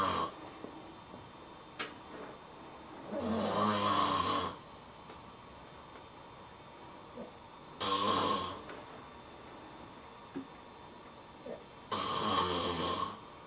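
Three loud, rough snores, each several seconds long, at about 14 breaths a minute, with quiet breathing between; ordinary snoring.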